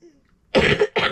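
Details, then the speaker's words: An adult with allergies and asthma, a non-smoker, coughs repeatedly while crafting; the cough is described as sounding nasty, like a smoker's cough. "I'm sorry, it sounds nasty, but it's allergies and asthma, of course. So I don't smoke. It sounds like a smoker's cough, but it's not."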